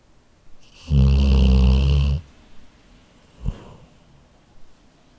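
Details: Labrador sleeping, recorded with a Zoom H4n recorder: one loud, long, fluttering snore, then a short snort and quiet breathing; snoring.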